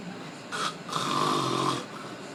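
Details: Adult man snoring: two rough, rattling breaths in quick succession, the second longer and louder, in a quiet room.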